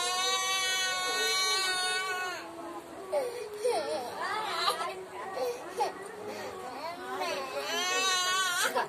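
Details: Child crying: wailing cry with sobbing breaks and wavering pitch, faint music behind.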